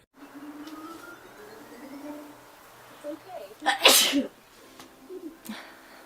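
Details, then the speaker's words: Brief talk, then one loud sharp sneeze with a quick intake before it, in an allergy sneeze compilation. "I just clicked. Hold on. I'm going to sneeze. Bless me."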